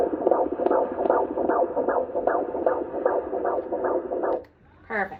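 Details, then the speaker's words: Fetal heartbeat on Doppler at gynecologist four-week follow-up, before 20-week ultrasound: fast, regular whooshing about 150 beats a minute, normal fetal rate; fetal heartbeat. "I got to hear the baby's heartbeat which was awesome that was very exciting I can insert that now so you guys can hear it"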